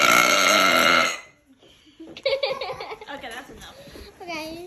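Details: Deliberate, drawn-out voiced burp lasting about a second, performed on request for cousins, followed by a child's talk and laughing in the background: burping.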